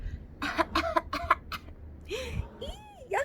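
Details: A quick run of short, deliberate demonstration coughs, followed by a brief high-pitched child's voice; voluntary coughing shown in a children's lesson on covering coughs with a pretend cape.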